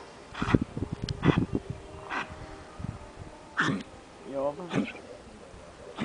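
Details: Cat gives a series of about five harsh, forceful hacking bursts with a brief tonal vocal sound between them; racking cough.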